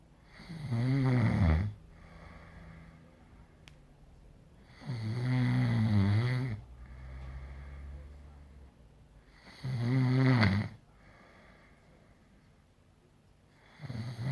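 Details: Heavy snoring: loud, rattling snores on each in-breath with softer out-breaths between, about three breaths in 14 seconds, a slow rate.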